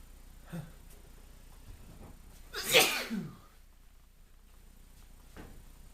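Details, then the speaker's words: Adult male with hay fever after being outdoors in pollen: a single forceful sneeze preceded by a sharp in-breath, between quieter breaths; allergic rhinitis sneezing. "So I've just been outside and my hay fever is, sorry, I can't speak."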